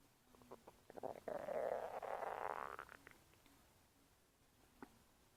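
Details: A gurgling, rumbling stomach noise of about two seconds with small bubbling pops, heard after eating Oreos; normal digestive borborygmi.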